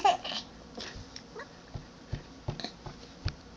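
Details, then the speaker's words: Infant with hiccups: soft babble broken by several short, sharp catches about every third to half second; hiccups. "oh no do you have the hiccups now too"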